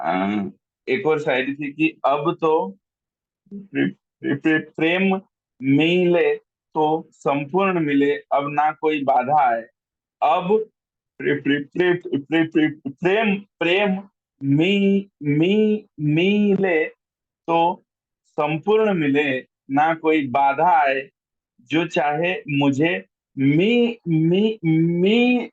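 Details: Stammering in a male poet reciting his own shayari at a stammering association's Mushaira; he repeats the first syllable of a word many times before getting it out.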